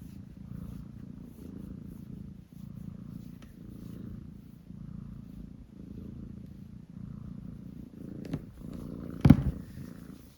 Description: this cute cat is purring. Very relaxed sound.